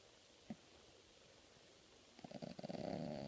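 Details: Family dog snoring during a nap, often very loud; owner suspects allergies. Quiet room, then rapid fluttering, rattling breaths building toward the end; snoring.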